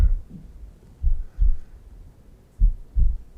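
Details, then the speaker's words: Steady low lub-dub heart sounds, about 70 beats a minute, with a soft hum underneath, played during a heart-focus session; normal heartbeat. "And Michael's playing the heartbeat. Isn't it amazing how many times that heart beats?"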